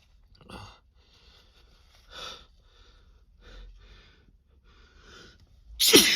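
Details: Male adult's sneeze induced by too much Chhinkni sneezing snuff: several quiet, breathy build-up breaths, then one loud, forceful sneeze at the end.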